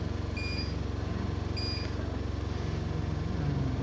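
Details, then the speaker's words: Medin CNO mini device with alarm set to optical-acoustic, push button pressed so it sounds and lights: two short high beeps over a steady low machine hum; alarm tone. "Jadi kalau kita mencet push tuh dia bunyi sekaligus nyala."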